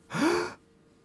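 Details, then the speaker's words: Deliberately demonstrated deep breath: a single quick, deep, voiced inhalation lasting about half a second. "when you breathe out you exhale you are exhaling this action is called exhalation you can take a deep breath"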